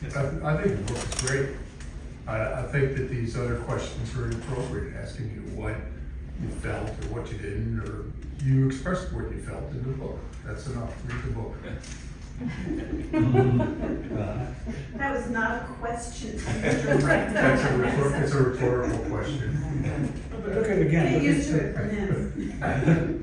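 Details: Aphasia in an adult stroke survivor, following a stroke about 11 years earlier; aphasia.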